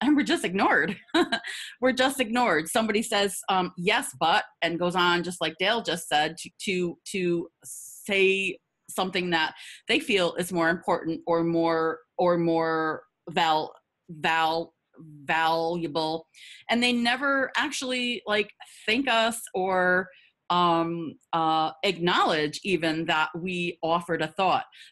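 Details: Adult woman who stutters; audible repetitions; stuttering.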